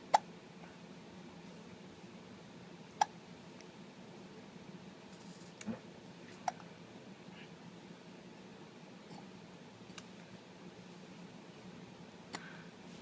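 Quiet, sharp clicking hiccups at irregular intervals, about 20 a minute, over low room noise.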